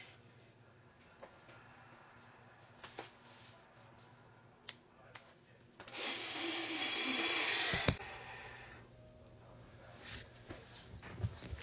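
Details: A person deliberately gives one long, forceful, noisy snort through the nose, about two seconds, in a quiet room, as a trick to stop ongoing hiccups; the hiccups are reported gone right after; snorting.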